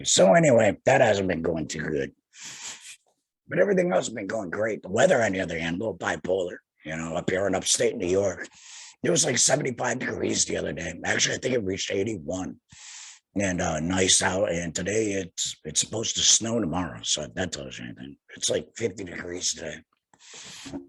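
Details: Adult man about two years after total laryngectomy for head and neck cancer, speaking via tracheoesophageal puncture voice prosthesis while finger-occluding his stoma/HME; tracheoesophageal voice after total laryngectomy.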